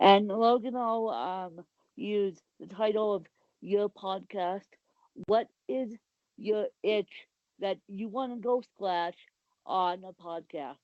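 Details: Adult woman with cerebral palsy; dysarthric speech in cerebral palsy.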